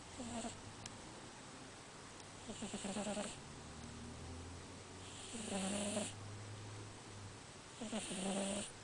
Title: My Cat Snoring